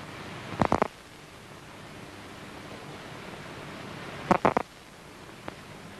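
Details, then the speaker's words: Cat visual cortex simple cell (orientation detector, preferring near-vertical) recorded with an electrode: two brief, weaker bursts of crackling spikes over a hiss as the bar is shown at slightly different angles from the best orientation. "and now perpendicular to the best orientation so this cell responds best to an almost vertical object"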